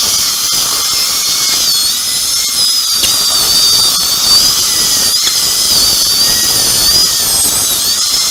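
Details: Continuous high-pitched dental handpiece whine with shifting squeal and water spray hiss: a diamond bur cutting an upper second molar for extraction and immediate implant placement with no sound bone under the sinus floor.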